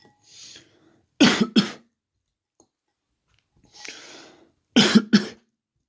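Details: A person coughing: two pairs of sharp double coughs, each preceded by a breath in; dry-sounding repeated coughing.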